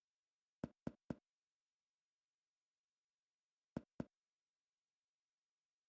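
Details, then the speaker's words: Resonant percussion note over the lungs of the anterior thorax during a thorax and lung assessment; percussion gives dullness over the liver and heart and tympany over the stomach. "percussion should produce resonance over the liver and heart percussion produces dullness over the stomach it causes timpani"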